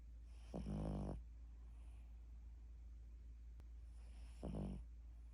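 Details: Sleeping dog snoring: soft, fluttering snores about four seconds apart over a steady low room hum; ordinary, harmless dog snoring.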